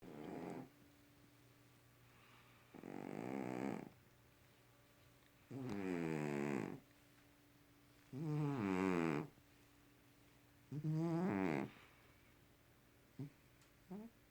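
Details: Very loud snoring cat: rhythmic buzzing snores with quiet pauses, about 5 breaths in 14 seconds (roughly 20 a minute).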